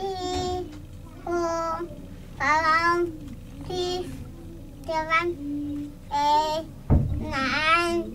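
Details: Speech of a boy after cochlear implant surgery; treatment went well and he can now hear and respond better. Finding: speech of a child with a cochlear implant.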